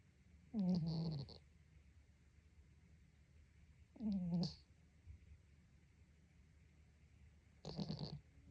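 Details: A pet cat sleeping lets out three low, buzzing snores, about 17 a minute, with quiet room noise between; he sometimes snores loudly in sleep; normal sleep snoring.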